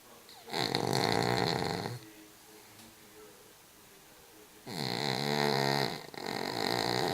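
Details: Cavalier King Charles dog snoring while asleep: loud, rattling snores on each in-breath, about three in seven seconds, with quiet breathing between them.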